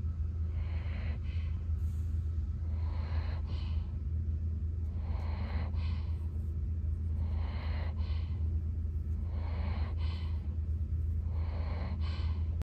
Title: Snoring